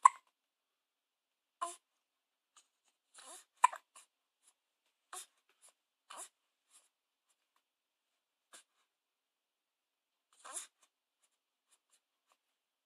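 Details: Hiccups: short, sharp, irregularly spaced hiccup sounds in a quiet room, about one every few seconds.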